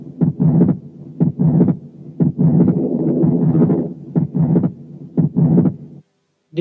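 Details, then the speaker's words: Wide fixed splitting of the second heart sound in a second case of atrial septal defect, with harder-to-hear respiratory sounds and murmurs present; the split is the same during inspiration and expiration. "هنسمع حالة تانية اتريال سيبتال ديفكت برضو بس فيها صوت الريسبيريشن اصعب شوية لان فيها مامز، لكن انتوا ما تنتبهوش الا للسكند ساوند بس، وشوفوا السبليتنج بتاعه during inspiration و during expiration."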